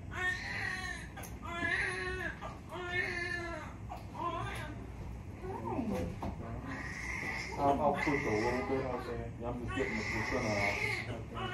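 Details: Repeated strong, high-pitched crying bursts from a newborn boy just after birth, delivered in two pushes, with soft room sounds behind.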